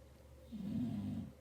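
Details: Dog snoring in the background of a room: snoring.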